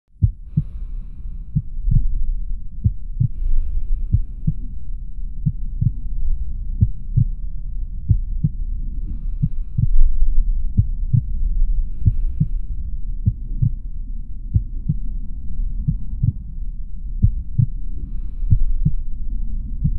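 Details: In-womb sound for soothing babies to sleep: steady, muffled low heartbeat thumps about 90 a minute over a constant deep whooshing rumble.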